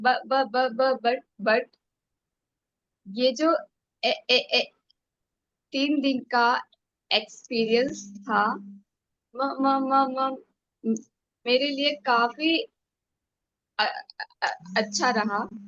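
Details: Woman who stammers, speaking in a stammering self-help group session; syllable repetitions are audible; stuttering.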